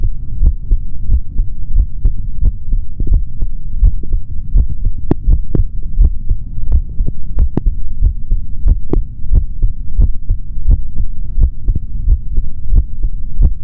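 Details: Male normal heart sounds through a stethoscope: steady, deep thumps, roughly 80 beats a minute, over a low hum; a regular heartbeat.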